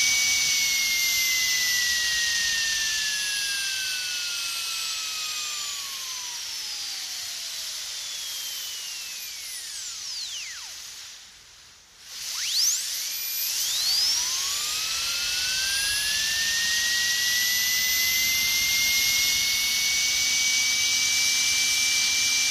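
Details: High, shrill whine of a dental drill that slows and drops in pitch, briefly stops, then speeds back up; stock sound effect of a dental drill.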